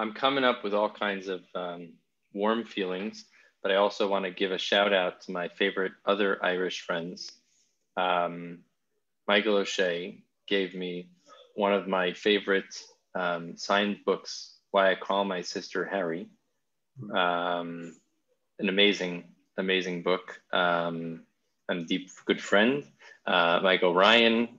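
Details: Adult male speaker; Normal conversational speech.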